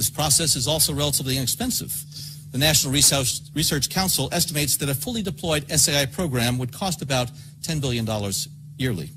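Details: Adult male speaker; normal voice.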